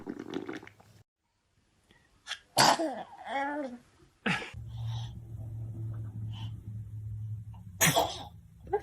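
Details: Baby sneezing, from a funny-babies compilation: a sharp explosive sneeze, brief whimpering, then a second sneeze over a steady low hum.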